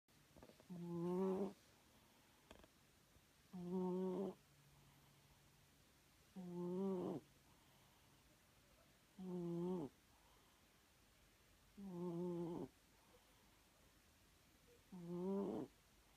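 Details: A sleeping cat snoring: six regular, buzzy snores on the in-breath, about 21 a minute, in a quiet room.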